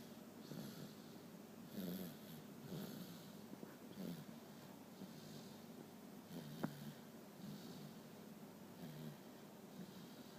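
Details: Sleeping toddler aged 1 year 8 months with a blocked nose: faint, rough, snuffly snoring breaths; snoring with nasal congestion.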